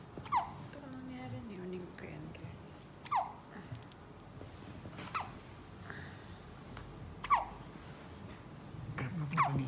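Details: Sharp, brief gulping clicks recur about every two seconds against quiet room noise, recorded January 16; hiccups.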